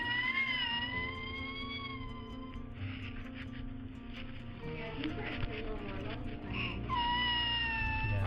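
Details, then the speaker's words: Thin, very high-pitched, mewing cries of a person with cri du chat (cat's cry) syndrome, heard over steady background music. "so that is a cat's cry uh that is a high-pitched cry of a person that has this kind of uh syndrome that we have right here okay"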